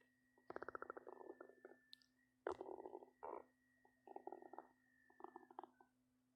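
Repeated gurgling, rumbling bursts over a steady background hum: stomach growling, ordinary bowel sounds.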